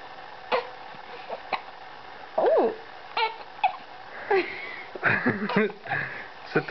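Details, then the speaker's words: Infant girl who often gets hiccups, seemingly hungry: repeated abrupt hiccup catches mixed with coos and small fussy cries, with an adult voice nearby. "Now gets the hiccups often This is what it looks like"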